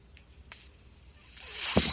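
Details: Podcast host's own mechanical ventilator in a quiet room as he speaks: a soft click, then a rising rush of air ending in a brief puff as it delivers a breath; mechanical ventilator.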